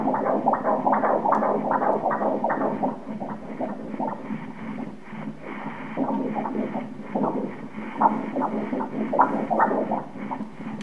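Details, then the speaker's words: Normal fetal heart tones at 16 weeks of pregnancy during obstetric ultrasound: rapid rhythmic whooshing pulses at 155 beats a minute, within the stated normal 120–170. "The heart rate is at 155 ... 1 - 5 - 5 beats per minute... Normal is 120 to 170 more or less..."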